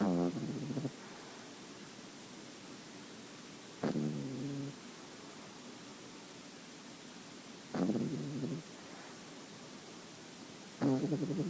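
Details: Sleeping 9-week-old female French Bulldog puppy, white cream colour, snoring: soft, rough snoring sounds recurring about every four seconds over a quiet hiss.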